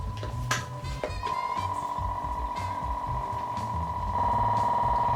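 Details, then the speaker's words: A person with cystic fibrosis runs a portable airway clearance vest at the same powerful settings, started by remote: a few clicks, then a fairly quiet steady electronic hum with rapid low pulsing. "And that's as loud as it gets, so definitely a whole lot quieter than this thing."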